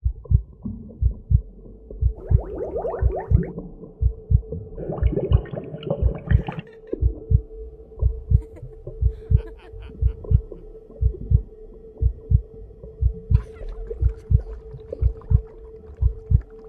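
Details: Heartbeat as heard in the womb: a steady, muffled heartbeat at about 60 beats a minute with a low hum and brief rustling noises.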